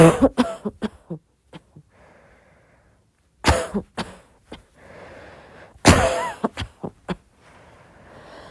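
Three clusters of short, soft coughs, several quick bursts each, with quiet breaths and faint room noise between them.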